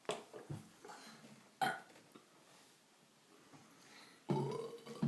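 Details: Several loud, low, rumbling belches with short pauses between them in a quiet room during a burping contest; repeated burping.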